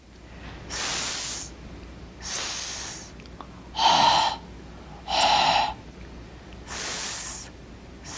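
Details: Normal s contrasted with unvoiced pharyngeal fricative productions, which come with excessive lower-neck muscular activity.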